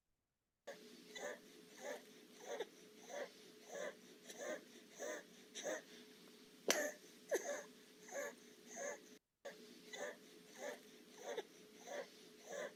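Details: Young child in distress, with suprasternal and intercostal retractions: rapid, regular, noisy breaths with a musical whistling quality on each cycle; audible wheeze with tachypnoea.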